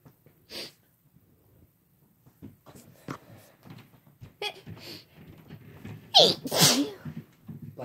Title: Some talking then lots of Sneezing (F+M)